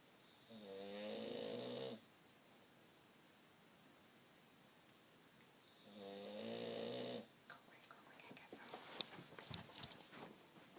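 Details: Two buzzing, fluttering snores on inhaling, about five seconds apart, with quiet breathing and faint room noise between, from an adult man.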